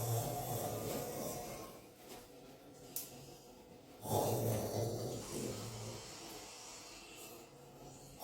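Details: Low rumbling snoring in a woman, with a sharp snort midway, against room noise.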